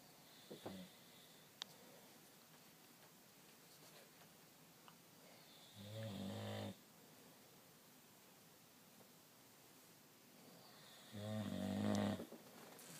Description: My dad snoring